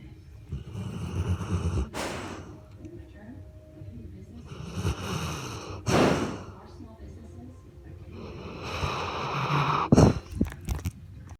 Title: My dog snoring